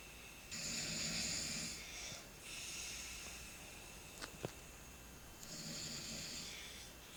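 Hissing, rasping snores on breathing in, with quieter breaths out, over faint room noise.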